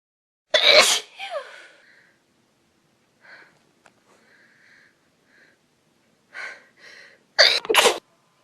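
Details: Repeated sneezing in a person allergic to dust, in a dusty room, possibly a cold: one sharp sneeze, a quiet pause with faint breaths, then a double sneeze.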